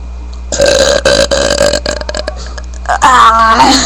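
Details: Long, loud, rumbling deliberate belches, two drawn-out bursts with a brief break, over low room hum, from a sweating person attempting their biggest burp; forceful burping.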